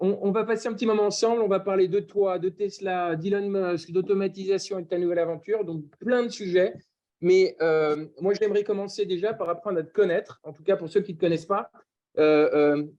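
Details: Adult speaker; normal speech.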